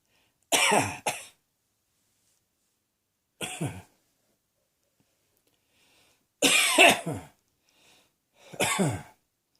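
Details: Ongoing adult cough: five or six harsh, explosive coughs in separate bouts, with quiet pauses between them.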